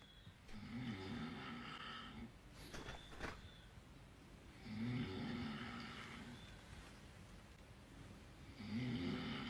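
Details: Loud rumbling snores on each in-breath, about 15 a minute, over steady room noise; heavy snoring in sleep.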